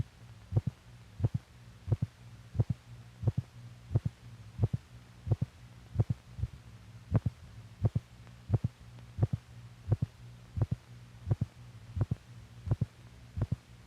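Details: Heart sounds from an old (possibly 1950s) teaching film for doctors correlating heart motion with sound.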